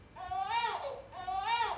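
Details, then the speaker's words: Two clear, rising-then-falling melodic cries from a newborn, sounding very musical with consonant intervals such as a fifth: a normal newborn cry. "mais les cris mélodique de bébé entre guillemets normaux sonné de façon très musical"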